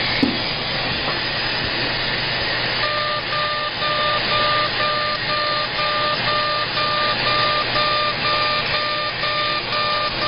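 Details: CO2 laser, aggressive facial resurfacing at 100 millijoules and density six during a face lift: loud steady rushing noise with a repeating electronic beep about twice a second.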